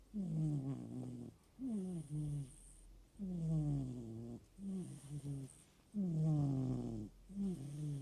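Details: Snoring during sleep: rapid, repeated buzzing snores with each breath, about forty a minute, rising and falling in pitch; quiet recording.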